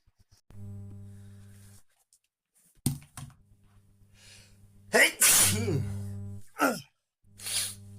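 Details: Ordinary random sneezes recorded on a smartwatch by someone not ill and outside allergy season: sharp explosive bursts with a quick inhaled build-up over a low steady hum.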